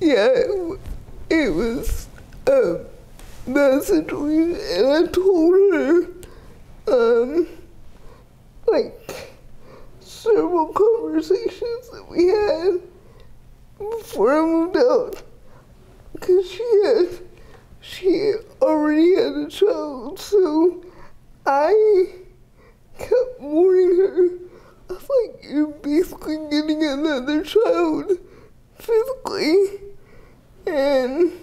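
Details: 30-year-old woman with GMFCS Level 4 cerebral palsy, quadriplegia with an athetoid component, affecting the speech muscles so speech may be unclear; dysarthria (cerebral palsy).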